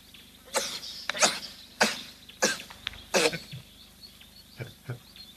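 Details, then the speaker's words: Olive baboon sneezing at a waterhole in Kenya: several sharp, hissing, strikingly human-sounding sneezes in an outdoor setting. "Bless you. It rather epitomizes why we enjoy watching baboons. There is something very human about their antics, and to hear them sneeze like that."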